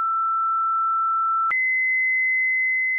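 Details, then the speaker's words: A HeartStart XL+ monitor/defibrillator in manual mode with external paddles: after energy is selected and the paddle charge button is pressed, a steady tone steps up to a higher steady tone, signalling it is charged and ready to shock. "set the therapy knob to the desired energy for the patient then press the charge button on the paddle"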